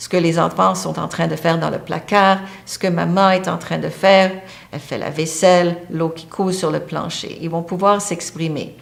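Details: Adult woman speaking French; ordinary speech.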